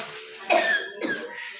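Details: Two short, harsh cough bursts from an adult, with faint room noise behind, recorded during a gurah cough treatment session.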